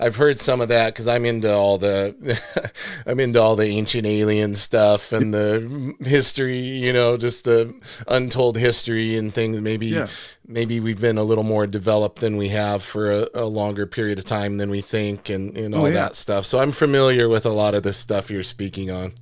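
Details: Adult male speaker; normal speech.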